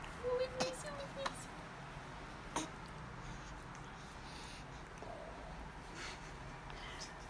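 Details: An infant girl, asked to smile, sneezes: a brief high squeak, then a few faint sharp bursts including a tiny infant sneeze, against quiet room noise.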